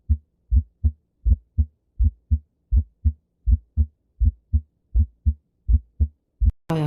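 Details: Teaching recording of a wide split S1: a regular heartbeat near 81 a minute, with the first heart sound heard as two distinct parts.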